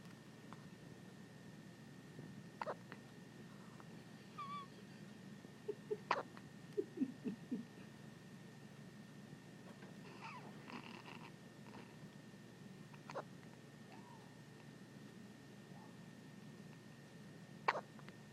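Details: Baby boy on his birthday, held by his aunt, gets hiccups: about five sharp, brief throat clicks spaced several seconds apart in a quiet room.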